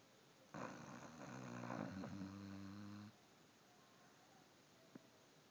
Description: She snores like a lil human